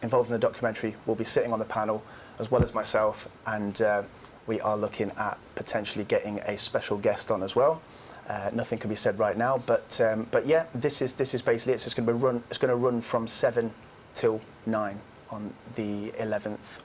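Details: Adult male speaker; ordinary speech.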